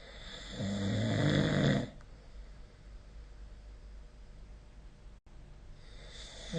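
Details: Snoring recorded with the SnoreLab phone app: one loud, rough, low rattling snore on a breath in, followed by quiet room noise.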